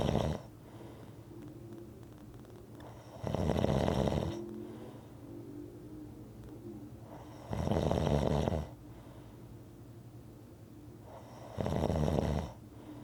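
Three loud, harsh snores about four seconds apart with quieter breathing between; regular snoring, roughly 15 breaths a minute.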